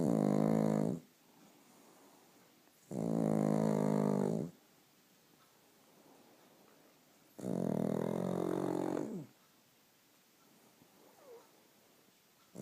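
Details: Sleeping pug puppy: three loud, rattling snores about a second long each, separated by quiet pauses. Snoring.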